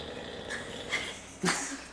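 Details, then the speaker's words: Pet dog named Bear snoring while lying on the floor during a home recording; snoring. "that's bear snoring on the floor by the way but anyway I try to remain as humble as I possibly can at all times"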